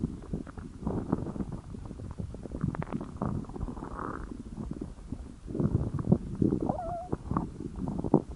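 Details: Gurgling, bubbling rumbles with a few squeaky tones over a noisy background: stomach growling (borborygmi) from hunger.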